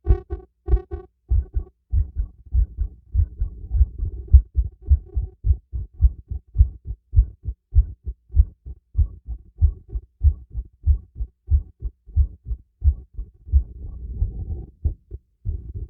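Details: Heartbeat heard through a stethoscope during light workout with breath play: steady low thumps at about 100 beats a minute; normal, slightly fast heartbeat.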